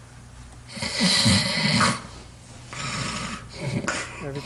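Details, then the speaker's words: Snoring during sleep in a man with witnessed apneas, shown as a sleep apnea example: two loud, rough, fluttering snores on successive breaths with faint room noise between. "well this is a video where we're actually watching someone snoring during sleep and I want you to stop breathing when he stops breathing can you turn up the volume so we can hear these snoring please nice good snore snore"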